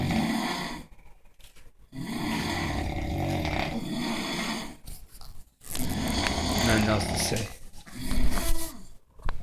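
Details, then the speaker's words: Heavy snoring from a sleeping overweight man (second of two men asleep), loud harsh rattling rumbles repeating irregularly with short silences, getting louder and more aggressive; snoring. "oh that [ __ ] number two just got louder it's getting more aggressive he feels"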